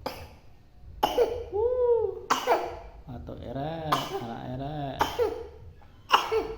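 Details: Young child sick with a cough, lying down with his father, coughing repeatedly.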